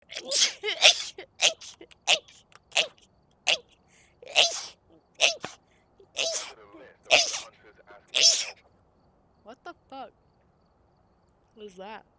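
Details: A person sneezing nonstop for about two minutes: a rapid run of about ten sharp, hissing sneezes with quick catch breaths between, then quieter gasps; repeated sneezing.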